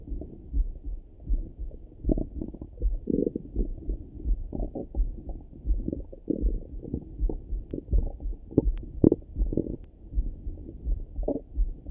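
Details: Morning stomach rumbling heard through a stethoscope: continuous low gurgling and bubbling with frequent irregular rumbles, normal active bowel sounds (borborygmi).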